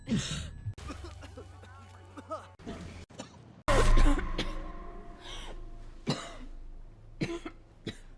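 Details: Simulated cough: several short acted coughs and throat clearing cut together from films, with background music and scene noise.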